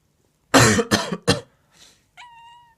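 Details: Three harsh human coughs in quick succession, followed by a brief grumbling chirp from a sleeping cat reacting to the coughing.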